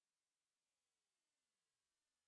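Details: Online hearing test tone, not clinical data: a steady, very high-pitched, quiet continuous tone after a brief silence.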